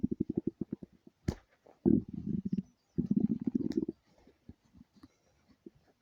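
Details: Low gurgling rumbles and rapid bubbling pops from the belly in bursts with brief pauses: stomach rumbling, bowel sounds (borborygmi).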